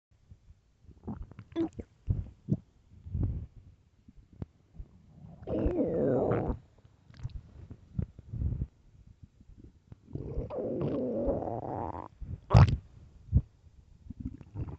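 Gurgling, squeaky rumbles and pops with two long rising growls; loud stomach growling from hunger.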